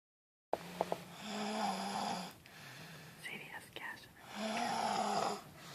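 Two long, rough, rumbling snores on the in-breath, separated by a quieter exhale. Ordinary snoring.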